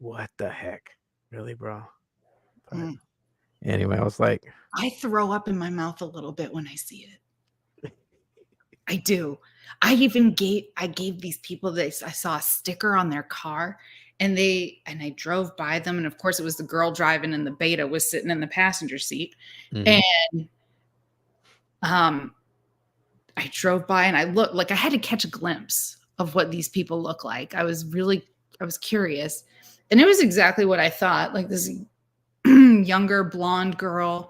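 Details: Adult female speaker; ordinary conversational speech.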